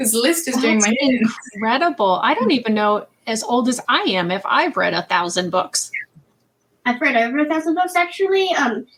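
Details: Adult woman speaking; ordinary speech.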